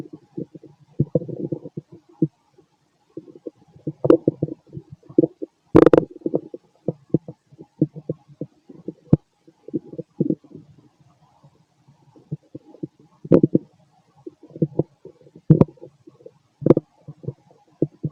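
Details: Fit male after a bowel movement: irregular gurgles, bubbling runs and short pops from the abdomen with quiet gaps between them, ordinary active bowel sounds (borborygmi).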